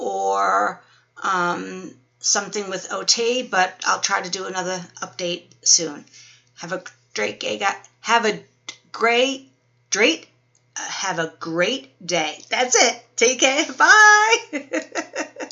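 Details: Woman 12 weeks after a stroke with Wernicke's aphasia and apraxia; word-finding trouble is worse when tired, and reading aloud is difficult.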